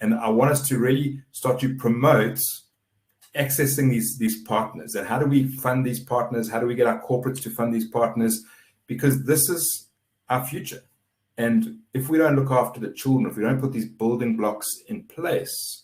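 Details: Adult male speaker; normal speech.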